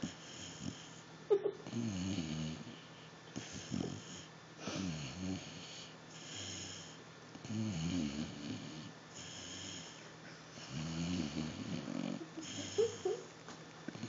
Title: Basset Hound Snoring!